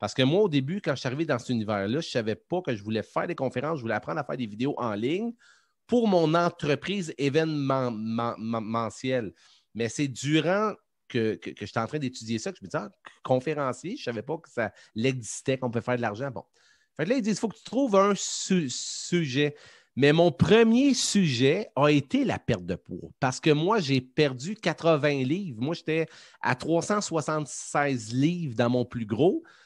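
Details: French-speaking adult man, self-described stutterer who says he stutters quite a lot and that it becomes more noticeable as the interview goes on; stuttering.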